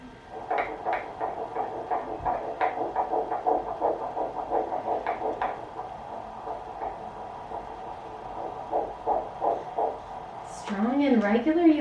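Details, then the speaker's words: Doppler fetal heartbeat in the first trimester: fast, steady whooshing pulses near 170 a minute, strong and regular; a normal fetal heartbeat. "oh my god did you hear the heartbeat"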